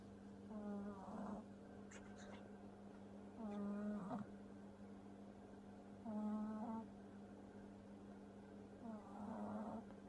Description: Django, my french bulldog puppy, is sleeping and snoring heavily!!